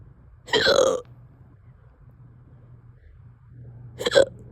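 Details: Hiccups that have lasted over 2 hours: two abrupt voiced gulping sounds a few seconds apart, with a faint low hum behind them.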